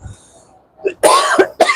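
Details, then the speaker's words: Throat-clearing followed by two short, sharp dry coughs from a truck driver in the cab during a live-streamed drive: cough. "Hört man das Husten besser. So kann man das einmal ein bisschen tun."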